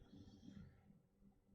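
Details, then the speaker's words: Very old dog sleeping in a quiet room: a faint, low, fluttering rumble of one breath, fading at the end; snoring. "Sorry if you can hear my dog snore. It's incredibly unprofessional. My dog is snoring in the background."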